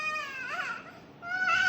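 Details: An infant twin girl, crying when back-scratching stops at bedtime, gives a brief wailing cry that dips and then rises again with strong pitch; infant crying.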